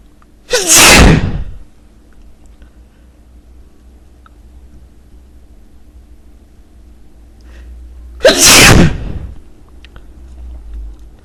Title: Lots of powerful sneezes